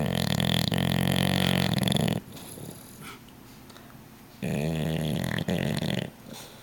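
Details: Dog sleeping on a couch: two long, loud rattling snores separated by a quiet pause; ordinary snoring.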